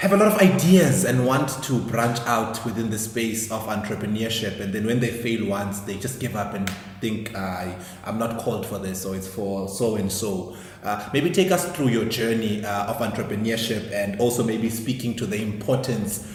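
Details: Adult male speaker; normal speech.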